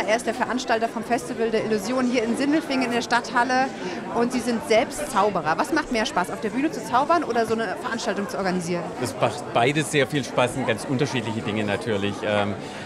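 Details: Adult interviewer and interviewee in German; normal speech.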